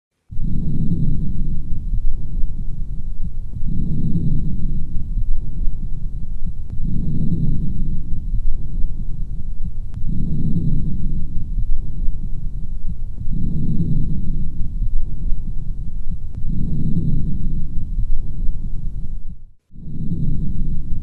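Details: Soft, low rushing breath sounds heard through a stethoscope during lung auscultation, rising and falling steadily about 18 times a minute; a sound-effect recording.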